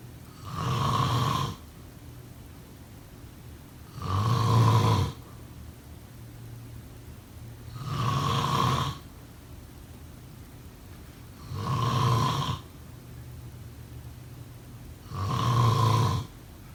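Loud, rough snores repeat regularly at about 16 a minute, one on each breath in during sleep.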